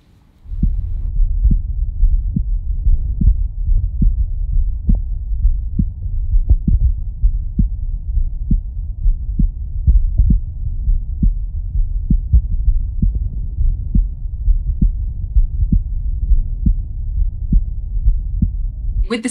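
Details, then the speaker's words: Normal heart sounds heard through a Stemoscope Pro digital stethoscope with amplification on: a steady heartbeat of about 67 beats a minute that stays clear, with some added background rustling and low rumble from the amplification. "Amplified yes you can still hear the heartbeat and it's really quite clear um there are some more added noises though you can sort of hear a bit of background rustling"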